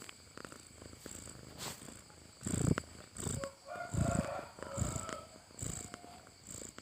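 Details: Sleeping cat snoring: rhythmic rumbling snores with a fluttery, purr-like quality on each breath.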